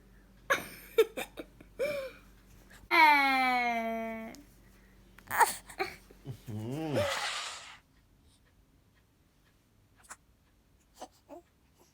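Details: 4-month-old infant: several short coughs mixed with a drawn-out cry-like wail and noisy vocal bursts; infant cough.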